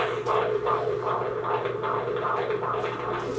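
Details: Fetal heartbeat on Doppler at 23 weeks of pregnancy during a prenatal visit: rapid, regular whooshing pulses about 150 a minute, a normal rate; baby girl moving a lot.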